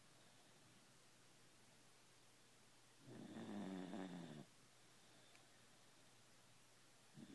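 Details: 14-year-old Jack Russell Terrier snoring: a single rough, rattling snore lasting about a second and a half in a quiet room.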